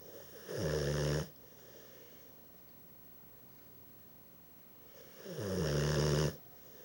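Two loud, deep, rattling snores about five seconds apart, with quiet breathing between them: snoring in a sleeping large dog.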